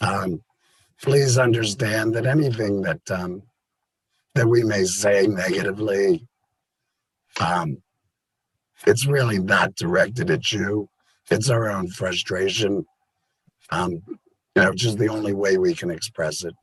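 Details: Adult man, total laryngectomy February 2019 for stage four squamous cell carcinoma; tracheoesophageal puncture with voice prosthesis about seven months later; words took about 30 days, speech about three months; tracheoesophageal speech after total laryngectomy.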